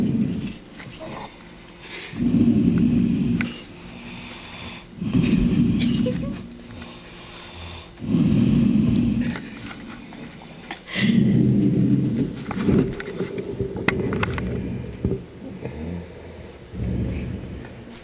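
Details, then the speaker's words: Sleeping woman's heavy snoring, so loud the water shakes: loud, rough, low snores about every three seconds, roughly 20 a minute, with quieter breaths between them. "Her snoring is so loud, the water shakes."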